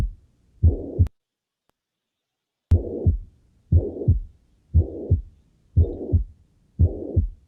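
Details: Mitral regurgitation murmur.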